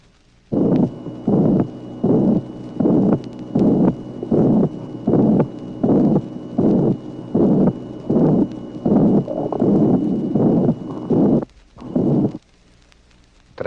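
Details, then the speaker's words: Ventricular septal defect, 1966 teaching recording (track 18): regular heartbeat near 79 a minute with a harsh pansystolic murmur and no silent interval between the heart sounds and the murmur. "Tracé numéro 18. Communication interventriculaire. Dans cette affection, le souffle est pansystolique et il n'existe pas d'intervalle silencieux entre les bruits et le souffle en question."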